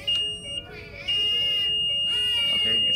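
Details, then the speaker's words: Infant apnea monitor disconnect alarm: a continuous high-pitched electronic tone over room noise that sounds until the problem is fixed, unlike the other alarms. "the only one that's gonna sound different is the disconnect yeah and I'm gonna show you what that sounds like right now it's just a continues"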